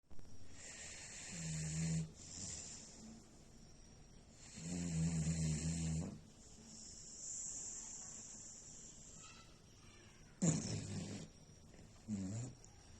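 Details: Bangladeshi dog sleeping like a human and snoring: repeated low, rumbling snores, each one to two seconds long, with quiet breaths between.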